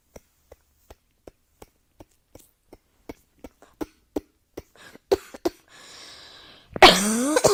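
A long run of short, regular dry cough bursts, about a dozen, growing louder and ending in a harsher fit and a vocal sound; indoors.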